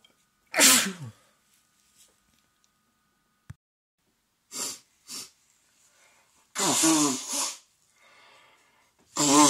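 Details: A man and a woman at home with a cold and congestion: several sharp, explosive sneezes from both, with sniffling between, during sneezing fits.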